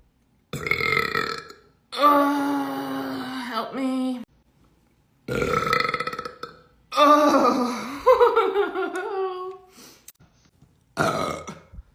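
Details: Several long, loud, voiced belches from a girl with short pauses between, some stretched over two seconds; repeated burping.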